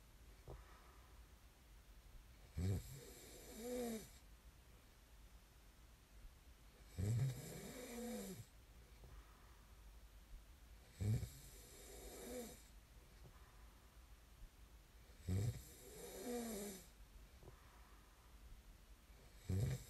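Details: Low rattling snores on each breath in, about 14 breaths a minute, with quieter breaths out between; sleep snoring recorded as snoring ASMR.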